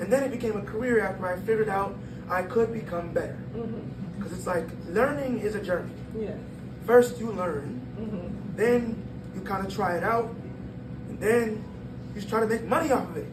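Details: 22-year-old man born prematurely at about one pound, vocal folds developing after birth and still not closing fully; breathy, high-pitched voice from incomplete vocal fold closure (glottal insufficiency).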